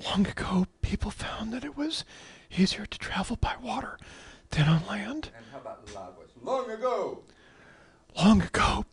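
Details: Patient with abductor spasmodic dysphonia, in which the vocal cords spasm apart involuntarily, reading a standard sentence, with intermittent drops of the voice to a whisper or breathless sound; abductor spasmodic dysphonia.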